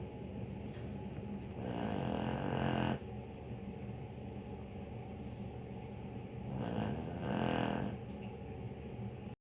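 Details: Heavy snoring, described as like a freight train: loud rattling snores, two breaths about five seconds apart, with a rough fluttering quality on inhalation.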